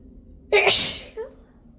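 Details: Deliberately induced sneezes: one loud, explosive sneeze with a brief catch of breath before it, then a small trailing voiced sound.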